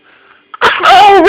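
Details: A rabbit sneezing: a faint sniff, then one sharp, tonal burst of breath; a single sneeze.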